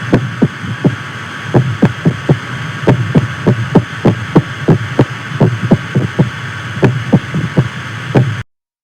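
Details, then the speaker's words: An AI-generated (Adobe Firefly) simulation of a man's heartbeat before diet change, when he had congestive heart failure, cardiomyopathy, a murmur and an erratic heartbeat. Fast, unevenly spaced thumps with early extra beats over a low hum. "It was very irregular, very off, an extra be a beat that was taken away. It wasn't regular like everybody else's."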